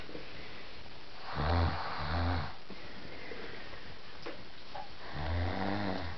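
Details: Snoring recorded on a mobile phone as proof that a woman snores: low rumbling snores with each breath, two close together then a third after a pause, over steady room hiss.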